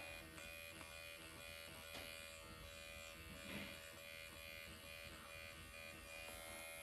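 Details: MD Needle Pen automated microneedling self-treatment around the lips, upward strokes along the lip line: steady high electric buzz of the motorized pen running without pause in a quiet room.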